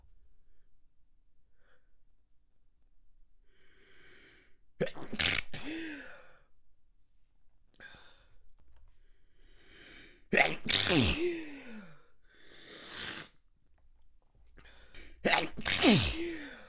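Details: Extremely wet stifled sneeze fit, held back to stay quiet as tickles grew stronger: three wet muffled sneezes, each a sharp burst after a brief catch of breath.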